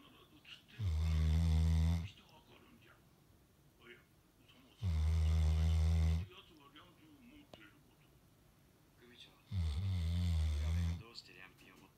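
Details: Sleeping Golden Retriever snoring: deep, rumbling snores about every four to five seconds with quiet breaths between.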